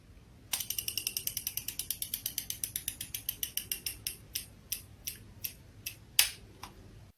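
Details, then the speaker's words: Ozempic (semaglutide) pen injector, needle inserted at a slight angle, injection button pressed: rapid sharp light clicks slowing to a stop with one louder click near the end as the dose delivers; held about 6 seconds; dose clicks. "click this button and you'll hear it click as it inserts the dose and this plunger moves"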